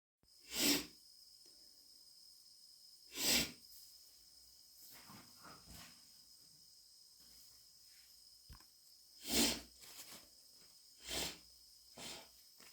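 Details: Person with a cat allergy: two sharp allergic sneezes with shorter sniffles between them, from allergic irritation of the nose.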